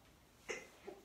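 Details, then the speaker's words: Adult woman lying on a yoga mat near final savasana gives one brief, high, squeaky mouse-like sneeze with a faint second puff; sneeze. "Oh, bless me. Yes, I sound like a mouse every single time I sneeze."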